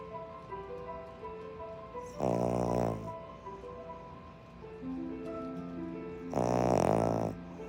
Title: playing interstellar but all you can hear is my dog snoring